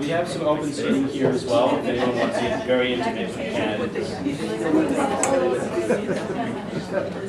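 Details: Adult man speaking in a large room; Normal speech.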